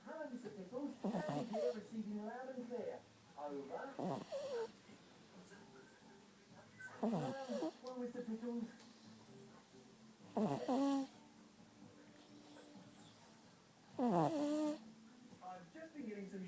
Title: My Dog Snoring!